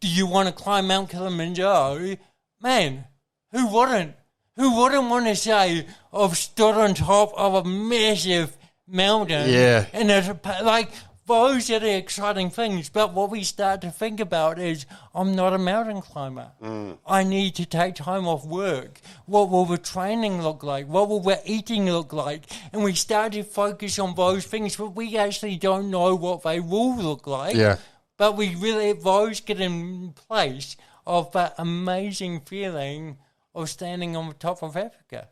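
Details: Adult man with congenital cerebral palsy, a brain injury from oxygen loss during birth, with thinking intact, who has had speech therapy; real mild dysarthria (cerebral palsy).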